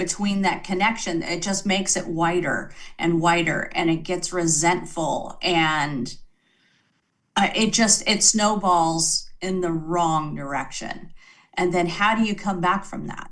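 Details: Adult woman speaking; Normal speech.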